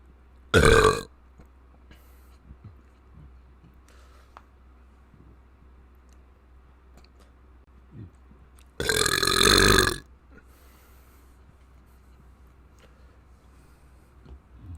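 Two loud burps, one short and one longer, in a quiet room; ordinary belching.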